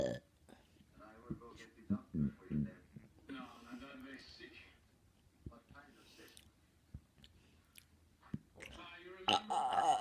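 Several short, low, throaty belches in a small quiet room, with faint mouth sounds between them: burping.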